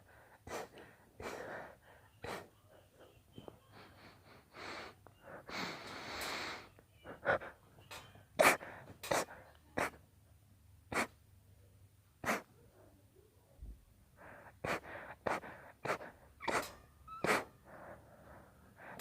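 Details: Induced sneezing in a girl: a run of short, sharp sneeze bursts with gasping breaths between them, repeated many times in a small room.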